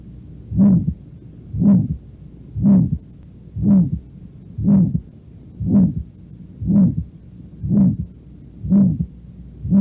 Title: HEART SOUNDS AORTIC STENOSIS